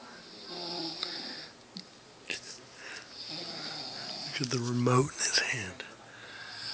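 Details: Man asleep snoring: irregular snorting, rattling snores with a louder throaty burst midway, over quiet room noise.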